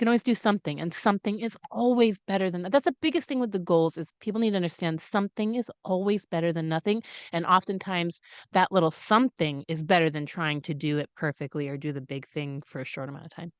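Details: Adult woman speaking; normal voice.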